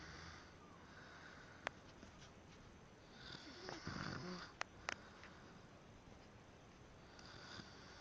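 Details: A single rough, rattling snore on an in-breath midway through, with a few faint clicks in a quiet room; snoring.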